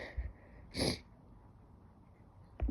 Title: Nearly Silent Stifled Sneezes